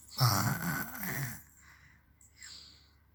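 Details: A young girl playfully imitates her father's snoring with a low, rasping snore-like groan, then a soft breathy hiss: imitated snoring.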